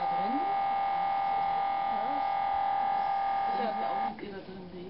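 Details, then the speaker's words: Inside an MRI scanner as a volunteer nurse begins a full cervical spine series, coil over her cervical spine: loud, steady electronic buzzing hum with faint background voices and music. "and now she's being put into the MRI can I this is what it sounds like inside the MRI right now"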